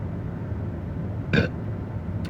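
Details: A single short, loud, low guttural burp from a young man during a TikTok live, with steady engine-like rumble in the background.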